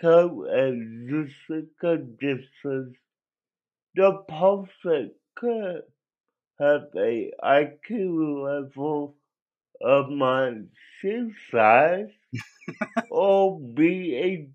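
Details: Adult male with cerebral palsy that he believes was likely caused by an overdose of a particular drug and that affected his voice; dysarthria (cerebral palsy).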